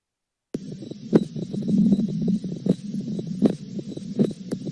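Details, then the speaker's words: Teaching recording of paradoxical splitting of the second heart sound for nursing students: repeating heart thumps over background music, with a split S2 from delayed aortic valve closure. "لنستمع معا الى الدكس سبليت اوف اس 2"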